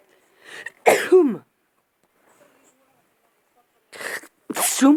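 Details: Sneezing in bed: two loud, explosive sneezes, each preceded by a brief breathy inhale, with a quiet pause between them.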